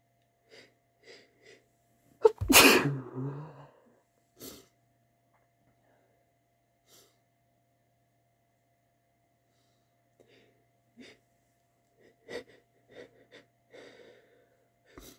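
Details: Sneezing with aborted sneezes in a male: a few quick indrawn catches, one full explosive sneeze with a voiced tail, then stifled false-start sneezes.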